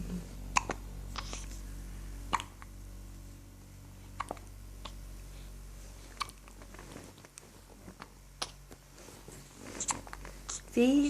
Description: His little hiccups